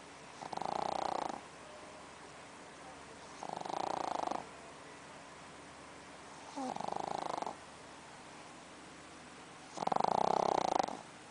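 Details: Pug snoring: four nasal, grunting snores about every three seconds, roughly 20 breaths a minute, during sleep.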